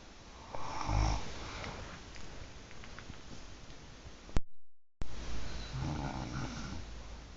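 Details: Two sleepers snoring, recorded in surround sound: low rumbling snores on breathing in, about two heard, with room noise; snoring.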